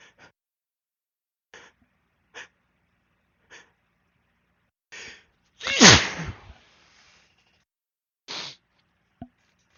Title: Drunk sneezes (a few buildups)